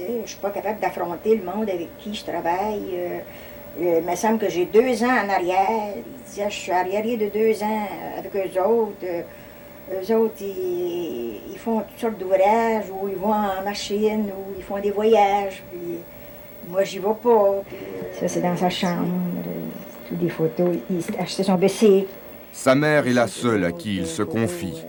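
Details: Adult male speaker and female narrator, French; speech.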